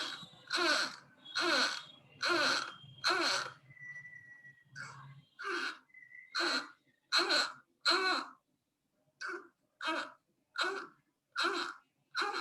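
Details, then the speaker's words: Newborn with respiratory distress: short voiced expiratory grunts with nearly every breath at about 70–75 per minute, with tachypnea; nasal flaring and retractions also noted. "i want you to really listen for that grunting breathing and watch how fast this baby's"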